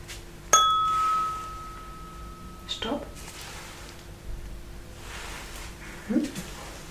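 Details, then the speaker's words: Struck tuning fork rings with a clear sustained tone that fades, then faint handling sounds: a role-played (simulated) vibration-sense test during a general check-up of a patient without complaints. "ich werde jetzt einmal drauf klopfen und wenn sie die Vibration nicht mehr wahrnehmen bzw hören dann langsam Stopp ja"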